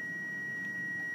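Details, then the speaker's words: Manual monitor-defibrillator being switched on: a steady, high-pitched electronic power-on tone over faint room noise. "let's talk about the basic operation of the machine obviously the first thing we need to do is to Simply switch the machine"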